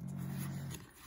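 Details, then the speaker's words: Dog snoring late in the evening, owner says louder than a loud old man: a single loud, low, rattling snore fading out in under a second. "if you hear that crazy snoring sound that's my dog in case you're wondering this is uh kind of late for him"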